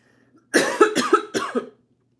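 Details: Allergic cough.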